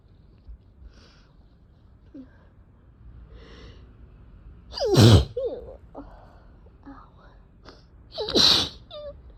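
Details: Person with cat allergy, with a sore throat, eyes barely open and a tickling nose, sneezing; two forceful sneezes, each preceded by quiet catching breaths, with sniffing between; allergic sneezing.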